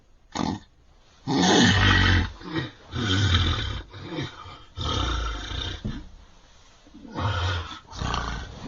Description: This recording is of a friend of mine while he was sleeping. He has severe sleep apnea and over time, will cause life threatening issues without treatment.